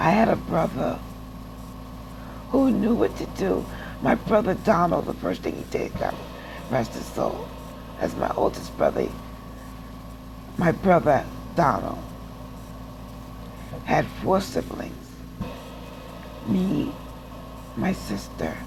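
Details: Adult woman with aphasia after stroke who says she doesn't speak well, still takes speech classes, and is in rehab relearning to walk after hospital stays; real speech; aphasia after stroke.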